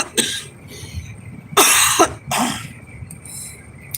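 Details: Dry cough in an adult with a COVID-19 infection, recorded while on a drive: a brief throat-clearing followed by two harsh, dry cough bursts over faint background noise.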